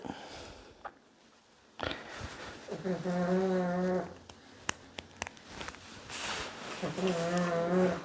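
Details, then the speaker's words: Two drawn-out, buzzing snoring breaths about four seconds apart from a sleeping pug, with clicks and handling noise in the background: snoring. "All right. If you can hear someone snoring, that's the pug. Bedweiser."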